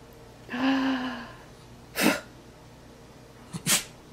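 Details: A dog gives a brief whine, then two sharp nasal sneezes, one preceded by a quick snort, amid praise from the owner; ordinary canine sneezes.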